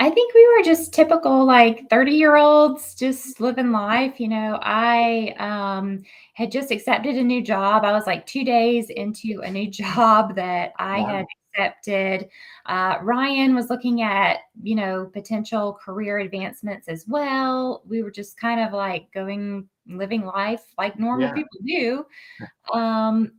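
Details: Adult woman speaking; typical speech.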